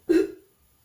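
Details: Nursing student demonstrating effective cough procedure with an adult female patient who has difficulty clearing sputum: after repeated deep breaths, one short, forceful voluntary cough burst.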